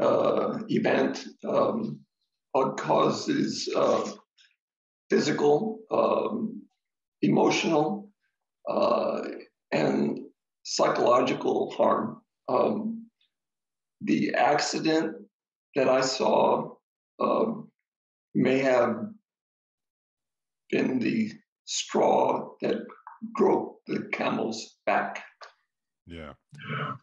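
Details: Adult man with aphasia after an ischemic stroke; the stroke was treated with TPA, which then caused a hemorrhagic stroke; he struggles to get through a sentence; aphasia.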